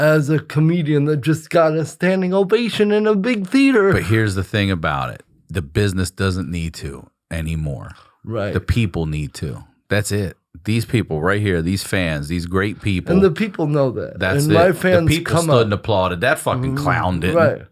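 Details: Adult man speaking; normal speech.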